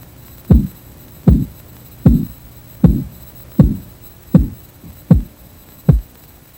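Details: Korotkoff sounds from a Red Cross first-aid training sample of blood pressure by auscultation: regular soft thumping pulse about 79 a minute through a stethoscope as the cuff deflates; first sound marks systolic, last marks diastolic pressure.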